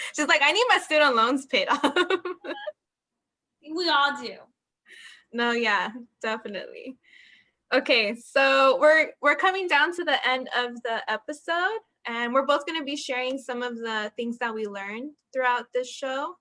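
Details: Adult women in conversation; Normal conversational speech.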